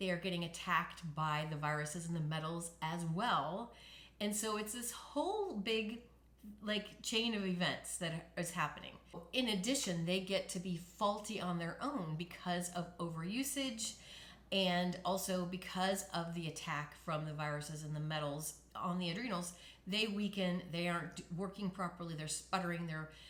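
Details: Adult woman speaking; normal speech after recovery from spasmodic dysphonia.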